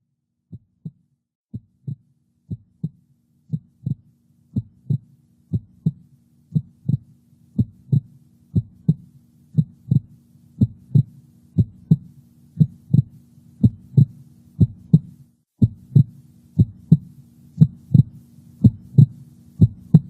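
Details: Steady paired low thumps of a heartbeat, about 60 a minute, over a faint low hum, recorded with a heart sound recorder's specialized microphone placed over a heart valve area; heart sounds.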